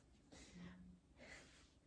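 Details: Someone is heard snoring in the background during a French spoken reading; snoring.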